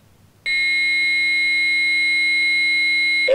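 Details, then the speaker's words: Training AED in an adult lay-rescuer CPR demonstration, after the prompts "shock advised, charging, stand clear": a steady, high, continuous tone lasting about three seconds while the defibrillator charges before the shock. "(Analyzing rhythm, everyone stand clear.) (Shock advised, charging, everyone stand clear.)"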